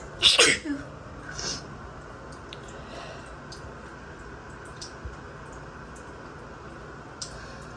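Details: Loud, sharp allergic sneeze set off by a strongly scented new body wash while in the shower, followed by quiet room noise and faint shower sounds; sneezing.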